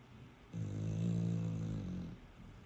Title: My little staffy snore so loud